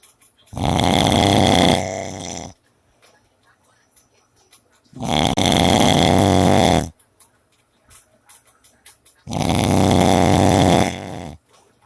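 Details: Snoring during sleep: three long, loud, rattling snores at about 14 per minute, with quiet pauses between them.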